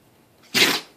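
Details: Single sharp, hissing sneeze from a small pet after a brief faint intake of air; animal sneeze.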